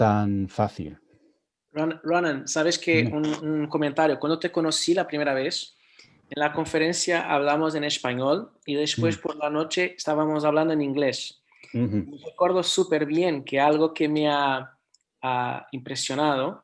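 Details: Adult speaker; no speech disorder.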